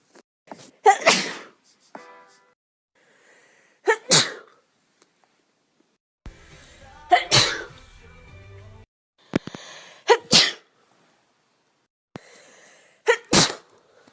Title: Sneeze Recordings